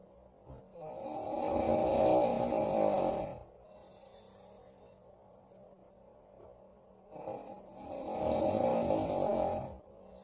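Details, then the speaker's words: The character Mike snoring in his sleep, recorded by Square (Mister Maker character): two long, rough, rattling snores about four seconds apart, with quiet breathing between; snoring. "hm I know he's still snoring but what if I turn on his lamp"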